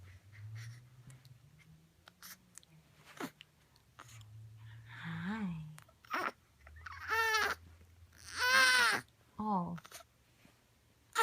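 Short fussy infant cries and whimpers with a few brief hiccup-like catches, over quiet room noise.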